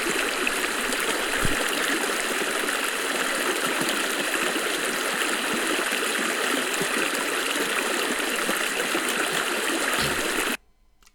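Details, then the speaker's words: Simulated hearing-aid fitting with hearing loss deliberately only partly corrected: a loud steady rushing torrent is restored, and a faint high tinnitus tone is still present but masked by the ambient sound, practically inaudible. "haar tinnitus is nog steeds aanwezig, maar het is zo bedekt, eindelijk is het zo veel omgevingsgeluid dat de tinnitus praktisch onhoorbaar is, dus je hoort het geluid van de torrent weer gecorrigeerd"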